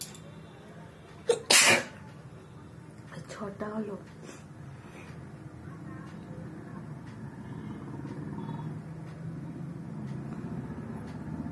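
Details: Sneeze induced during a nose-blowing sneezing challenge, with watery eyes: one loud, sharp sneeze, then a smaller burst and sniffing over a steady background hum.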